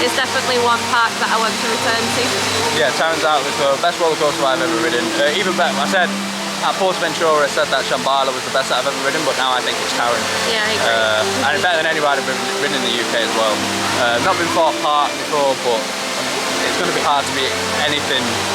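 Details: Adult male speaker outdoors; normal speech.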